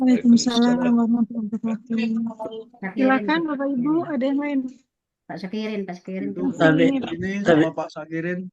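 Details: Adult speaker; Normal voice.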